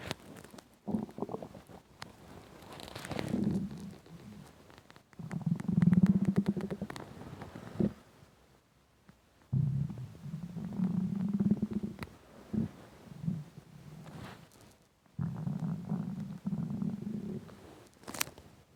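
Long gurgling, growling rumbles from the belly in several bursts, typical of hunger-related stomach rumbling.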